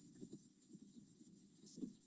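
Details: Quiet low crackling baseline, then one sudden loud pop near the end on needle EMG; spontaneous fasciculation potential.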